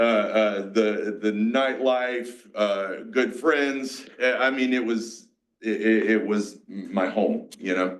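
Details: 47-year-old man with aphasia, a mix of Broca's and Wernicke's, after a massive stroke 6 years ago.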